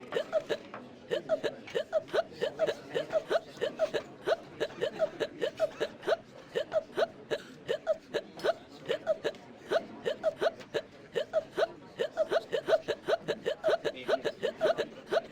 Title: Conker Drunk Hiccups (2#)